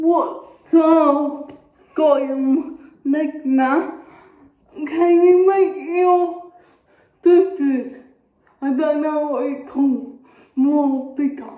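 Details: Dysarthria in a young woman with cerebral palsy.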